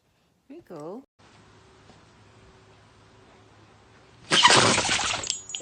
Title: This dog’s sneeze is way too dramatic.😂#funny #funnyvideo #funnydogs #dog #sneeze #fyp